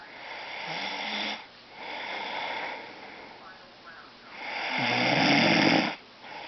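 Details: Person snoring loudly at night: rough snoring on each breath, with a rattling buzz on the in-breath and quieter gaps between breaths; ordinary snoring.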